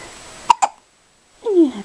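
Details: Five-day-old newborn baby boy, awake after a big feed, gives two quick, sharp hiccup bursts followed by a soft baby vocal sound; ordinary infant hiccups.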